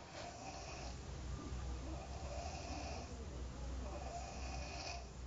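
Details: Man asleep, snoring heavily as he does every time he sleeps: loud, rough, low rumbling on each breath, about three breaths in five seconds; heavy snoring.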